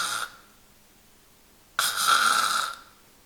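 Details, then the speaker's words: Imitated irregular snoring: a brief snore, a pause of about a second and a half, then a long harsh snore; choppy, uneven snoring that warrants checking for sleep apnea with nighttime breathing pauses. "das ist kein gleichmäßiges Schnarchen und das sollte ein hillhörig machen dieses Schnarchen sollte abgeklärt werden ob nicht vielleicht auch eine schlafnö D hinter sich verbirgt"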